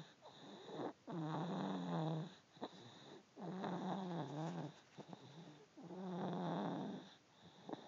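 Soft, buzzing snores from a sleeping cat on each breath, about three in eight seconds, with a faint whistle and steady background tone.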